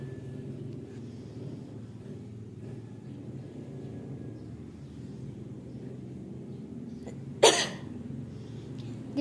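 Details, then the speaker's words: Chest physiotherapy demonstration of effective cough, acted: quiet room, then a single strong, forceful cough burst to clear airway secretions into a sputum pot. "Baiklah akan saya contohkan bagaimana melakukan tindakan batuk efektif"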